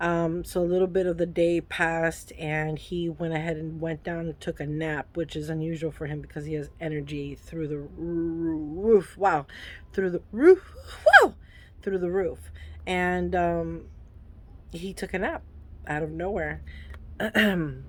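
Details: Adult woman with Tourette syndrome whose tics flare when she records herself; vocal tics appear as sudden interjections such as "wow" and "whoa".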